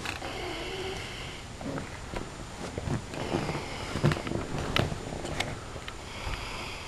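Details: Sleeping adult snoring: loud, irregular rattling snores with snorts in a small room, while someone tries to wake him.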